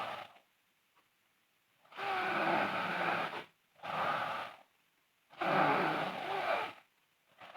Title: Sleeping Girl Loud Snoring (FGF) Part 3